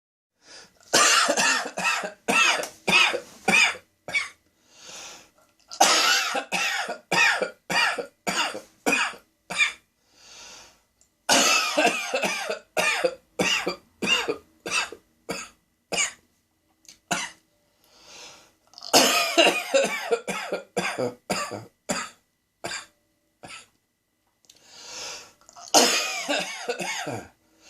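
Repeated bursts of harsh, dry coughing in clustered runs, forming a sustained coughing fit with brief pauses.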